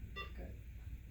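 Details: Single short electronic beep over low room hum: a programmer tone during interrogation and testing of a Medtronic implantable cardioverter-defibrillator.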